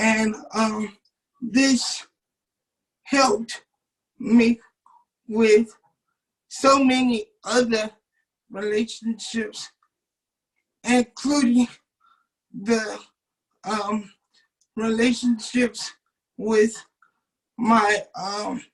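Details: 27-year-old man with cerebral palsy since birth, muscles not working like others', wheelchair user; doctors told his family he would never talk. Dysarthric speech in cerebral palsy.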